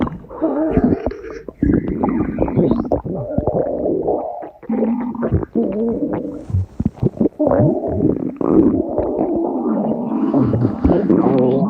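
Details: Long, rolling gurgles and low groaning rumbles with bubbling pops, repeating throughout: stomach growling (borborygmi).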